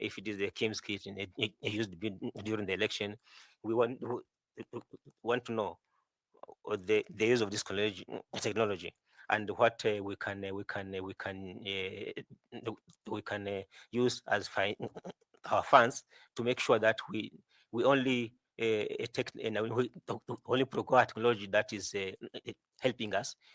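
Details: 41-year-old male candidate who says he stammers a lot; stuttering with repeated words such as 'I I I' and 'who who who'.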